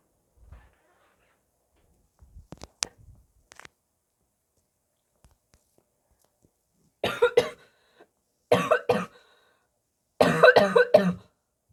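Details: A sick person's barking cough: three loud, harsh coughing bouts after quieter throat noises.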